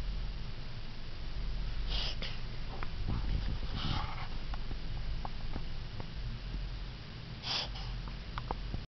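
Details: Yorkie Bichon (Borkie) dog making occasional weird noises: scattered snorting, sniffing bursts over a steady low rumble, consistent with reverse sneezing.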